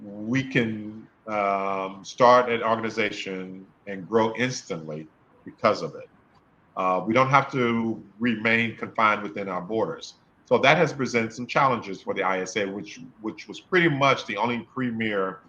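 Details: Adult male speaker; stuttering.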